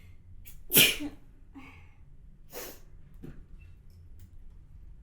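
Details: A woman model's single sharp, explosive sneeze followed by a softer breathy exhale, in a quiet room.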